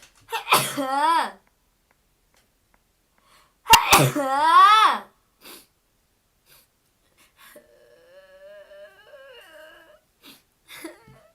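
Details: Japanese girl sneezing: two sharp voiced sneezes, each with a quick in-breath and a forceful burst, then quieter background sounds.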